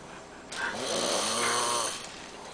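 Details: Danish man asleep and very sick: one long, loud, rasping snore lasting about a second and a half over faint room noise; snoring.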